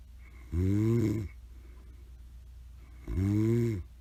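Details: Grandmother snoring during a hot summer: two deep, rumbling snores on the in-breath about 2.5 seconds apart, with quiet room noise between; ordinary snoring.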